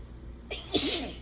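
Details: Single sharp, hissing sneeze after a brief intake of breath, from an adult with runny nose, sore throat and hoarse, fading voice attributed to allergies, announcing sneezes.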